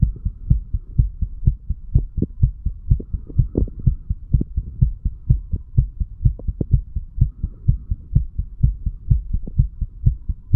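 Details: 35-year-old man after drinking too much alcohol, recorded a couple of hours after going to bed: steady, regular low thumping heartbeat with faint hum, heard over the mitral then tricuspid area; heart sounds.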